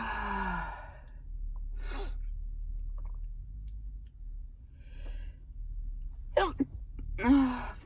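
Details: Adult who says they are sick and sneezing uncontrollably: quiet sighing breaths, then a sharp inhaled gasp and two forceful sneeze bursts.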